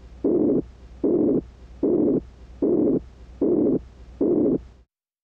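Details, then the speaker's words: Stethoscope bell over the carotid artery at the jaw angle, mid-neck and neck base during held exhalation: regular blowing, swishing whooshes at about 76 a minute, a carotid bruit suggesting turbulent flow and atherosclerosis. "you should hear no brewery's which are blowing swishing sounds that suggests turbulent blood flow and atherosclerosis"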